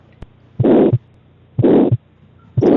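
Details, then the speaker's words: Newborn heart sounds on cardiovascular examination: a loud, harsh pathological systolic murmur filling each systole between the beats. "pathological Mur p syst mmur or all D mmur are pathological murated with the always pathological it is hard quality you can listen this uh sound"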